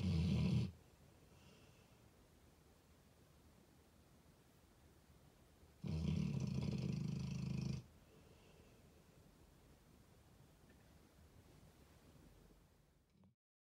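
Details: Snoring in a sleeping 4-year-old male American Staffordshire Terrier/Pitbull on his blanket: two long, low, rumbling breaths several seconds apart over quiet room noise.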